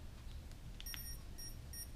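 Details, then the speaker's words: Medtronic Enlite continuous glucose monitor worn in a week-long comparison with a Dexcom G5: faint, high electronic beeps in short repeated bursts over room noise as it alerts to a sensor error and asks for calibration, its third time, suggesting sensor failure. "So this is what I would have had to do in the grocery store just to shut it up. It's not the easiest thing on the planet."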